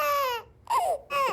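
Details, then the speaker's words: Hungry baby crying, recorded while sound-recognition software detects the cry: three short bursts of infant crying with strong tonal wails and brief pauses. "so you can see on the screen it's detecting the baby cry"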